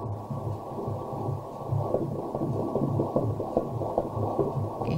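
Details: Fast, steady whooshing pulses of a fetal heartbeat, about 147 beats a minute, on a 2D/3D-4D ultrasound at 31 weeks 1 day; baby boy asleep; regular, normal fetal heart rate.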